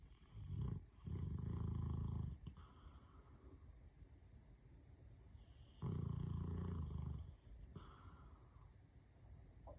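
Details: Sleeping animal whose snoring is getting louder; owner thinks he needs a CPAP. Loud, deep, rattling snores on each in-breath with quieter breathing between; heavy snoring.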